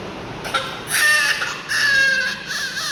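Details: High-pitched crying in short bursts from a newborn said to have a breathing problem, with room noise; no clear breathing noise stands out: newborn cry.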